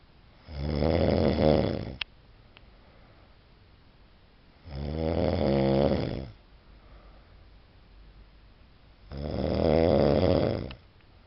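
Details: Snoring: three loud, rough, rattling snores on breathing in, about 14 a minute, with quiet breathing out between them.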